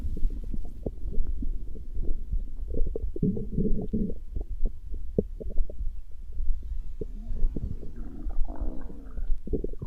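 Low gurgling and bubbling rumbles with irregular pops and longer growls; ordinary stomach growling from gas and fluid moving through the gut.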